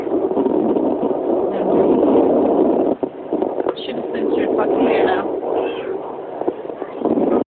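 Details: Home fetal Doppler recording: continuous muffled whooshing with brief warbling, voice-like sweeps that sound like the baby talking; the sound may stop when the probe is moved closer; fetal Doppler sounds.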